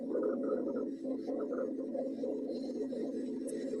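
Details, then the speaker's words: Continuous low, rumbling, snore-like breath sounds: rhonchi, described as secretions in the lungs, as with pneumonia, infection or hypersecretion. "Okay, that's roni. Roni, that's junk in the lungs. Think about pneumonia. Think about infection, hyper secretion."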